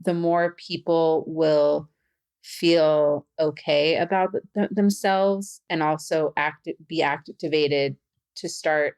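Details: Adult woman who stutters, a facilitator and stuttering podcast host; stuttering.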